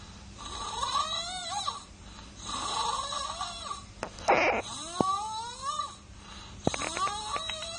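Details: Sleeping baby with repeated noisy, rattly breathing and squeaky rising tones, heard as snoring, with a brief cough or snort midway.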